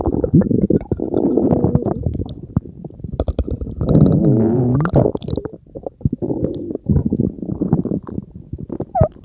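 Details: Stomach growling (borborygmi): loud gurgling rumbles with bubbly pops and a wavering, groaning growl in the middle.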